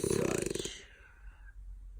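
A brief rough, fluttering snore on one breath, fading into quiet breathing; snoring in a flat-faced dog.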